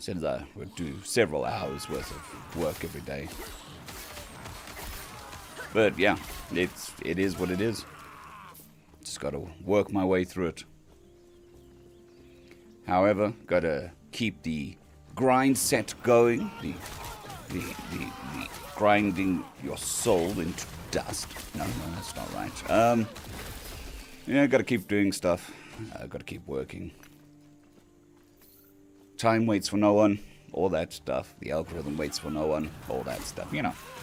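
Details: Dysphonia in a man on day 2 of recovery after vocal cord surgery; cords mostly healed but lacking strength and stamina, sounding laryngitis-like, with physiotherapy pushing the voice.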